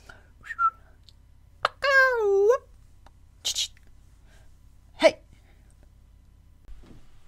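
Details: Vocal tics in a woman with Tourette syndrome and echolalia, mimicking environmental sounds, in genuine outtakes from a voice-over recording session.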